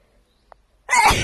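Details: A woman sneezes once at her hotel: near silence with a faint click, then one loud, sharp burst of air at the end, a single sneeze that is cut off.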